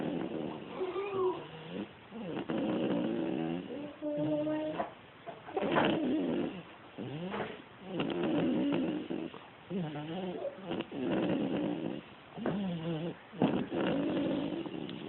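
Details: Snoring from a child, asleep after trick-or-treating: repeated noisy, voiced breaths, roughly 22 a minute, rising and falling irregularly.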